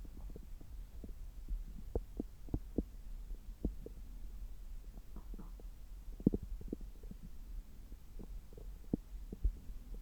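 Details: Normal active bowel sounds through a stethoscope on the abdomen about 3 hours after a meal: irregular soft gurgles and low clicks over a steady hum, occasional rubbing.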